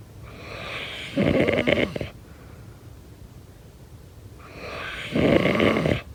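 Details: Two loud, rattling snores on the in-breath with a quiet gap between; ordinary sleep snoring.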